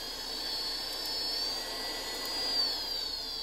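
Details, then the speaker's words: Homemade budget ventilator-alternative blower running continuously in low-pressure CPAP mode, with a toggle switch that steps it through five speed levels: a steady high-pitched motor whine whose pitch shifts slightly as the speed changes. "it starts off in a low pressure level CPAP mode so it's blowing continuously right now with the air pressure and this will push air into your lungs"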